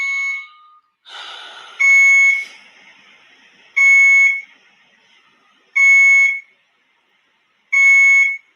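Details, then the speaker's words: A son's hospital room at about 6 a.m.: an IV infusion pump alarm that sounds when something is off with his meds, loud electronic beeps about every two seconds, set off by a bent line. "this is the way it is whenever something's off with the meds or with anything to do with him we get this buzzer right and I guess it's supposed to alert the nurse right"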